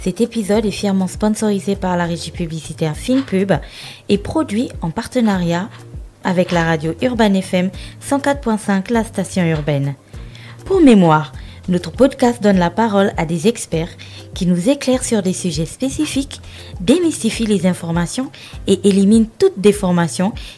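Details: Adult woman speaking French; typical speech.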